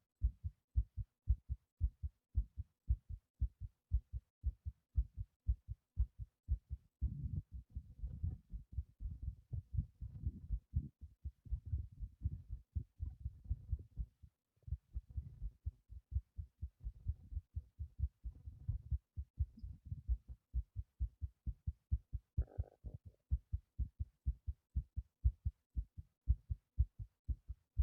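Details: Fast, regular low heart thumps at about 118 beats a minute with soft rushing noise between beats, recorded during voluntary breath-holding; after one long hold, a short series of skipped beats was felt.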